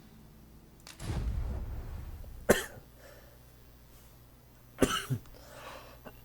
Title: Dragon's Dogma 2 - Part 5 - featuring my dry cough